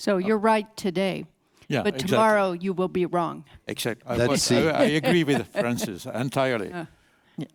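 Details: Adult speakers in a panel discussion; ordinary speech.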